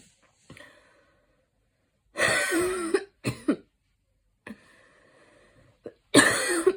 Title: lil post run cough